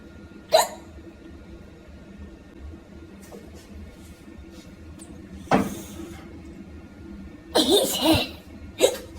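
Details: Four sudden, sharp hiccups spaced a few seconds apart over quiet room noise; hiccups.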